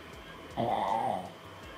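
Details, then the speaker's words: Drug-induced sleep endoscopy with a KARL STORZ videorhinolaryngoscope in severe obstructive sleep apnea (AHI 34): one short, rough, fluttering snore during concentric oropharyngeal narrowing at the soft palate, with oxygen saturation falling. "Да слышали храп и видим концентрическое сужение на уровне ротоглотки уне мягкого нёба сатурация падает"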